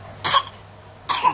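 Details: Two short, dry coughs from a child against a quiet room hum.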